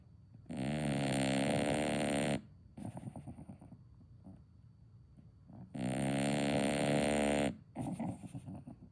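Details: A sleeping dog snores with two long, loud rumbling inhalations, each followed by a softer snuffling exhale.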